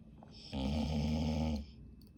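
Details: Dog snoring: one loud, low, rumbling snore lasting about a second in a quiet room.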